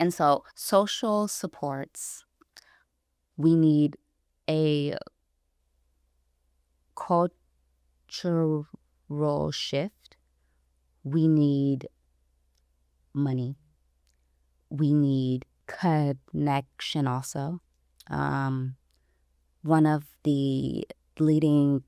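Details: Stuttering in an adult woman, about 29 or older, who self-identifies as a person who stutters; pauses between phrases; stuttering.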